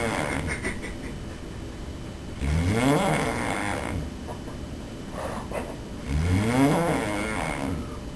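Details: Loud, rattling snores in two breath cycles about four seconds apart with quiet room noise between, filmed by the snorer's roommate during sleep; heavy snoring.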